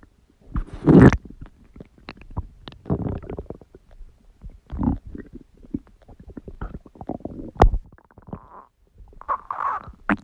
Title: Stomach Growling Sound | My Stomach Makes Noises